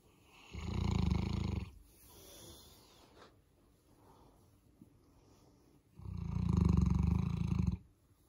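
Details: Boerboel dog sleeping in on a morning: two loud, low, rumbling snores about five seconds apart with soft breathing between; dog snoring.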